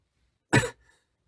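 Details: A single short, harsh cough from an adult whose cold has mostly cleared except for a lingering cough, ending in a brief throat-clearing sound; cough.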